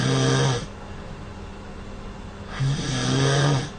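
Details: Snoring at night, recorded while asleep in the bedroom by a sleep-tracking app.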